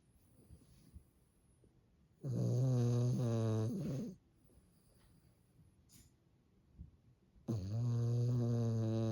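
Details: Two loud, deep, vibrating snores a few seconds apart with quiet between, from a small sleeping tricolour Cavalier King Charles Spaniel; snoring.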